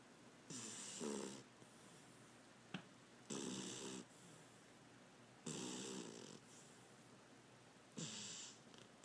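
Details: Beagle snoring in sleep: loud rattling snores roughly every 2.5 seconds, quiet breathing between, about 24 breaths a minute.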